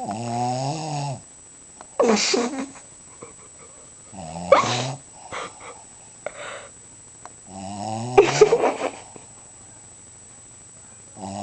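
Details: Pet dog named Flyer snoring while asleep: three loud snoring cycles about every four seconds, a droning, slightly whistling in-breath then a harsh snorting puff on the out-breath.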